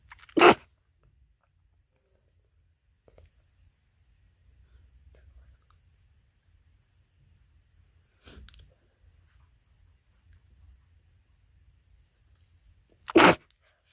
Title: half-stifled sneezes from a cold